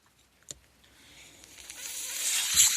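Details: The speaker's own mechanical ventilator sounds during a podcast introduction: a soft click, then a steadily rising airy hiss building to a rushing whoosh as a breath is delivered; mechanical ventilator.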